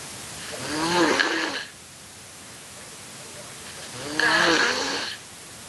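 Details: Adult man asleep during a livestream: two loud, groaning snores about three seconds apart, with quiet breathing between; snoring.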